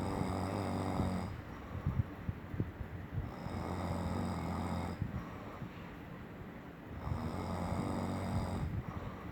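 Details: Husband asleep beside his partner, keeping the partner awake with long, loud, rattling snores recurring every few seconds over steady room hiss; heavy snoring.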